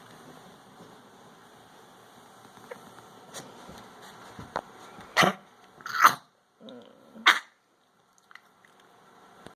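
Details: Female dog that has been coughing and gagging for 10 to 15 minutes, owner worried: a brief run of about four harsh, honking coughs and gagging bursts against quiet room noise.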